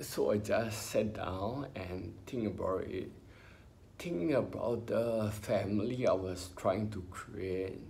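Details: Ataxic dysarthria in an adult man with spinocerebellar ataxia, diagnosed by a neurologist about 20 years earlier in his twenties.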